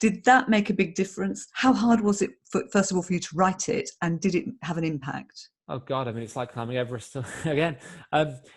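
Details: Adult male interviewer, then a second adult speaker; typical speech.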